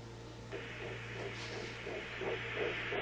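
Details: IVF pregnancy at 9 weeks 2 days, first regular OB visit: rapid, regular whooshing fetal heartbeat pulses over a steady hum, about 170–180 a minute, normal on Doppler during ultrasound.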